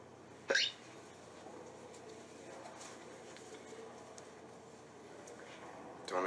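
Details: One sharp, abrupt hiccup over quiet room noise and another catch at the end, from a film scene (Down by Law) where a character with hiccups is offered cigarettes; hiccups.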